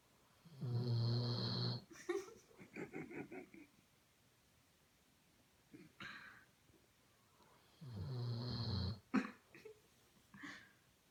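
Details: Weimaraner/Doberman cross dog asleep, two loud, rumbling snores about seven seconds apart, each followed by soft lip-flutter puffs and snuffles on exhalation; very loud snoring.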